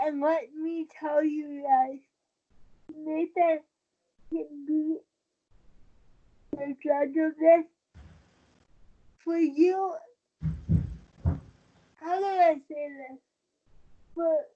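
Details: Dysarthria in a 23-year-old woman with cerebral palsy since birth after premature birth at 27 weeks. She has a more advanced form affecting the brain centre that controls balance and uses a wheelchair. She believes her prematurity affects the stability of her speaking.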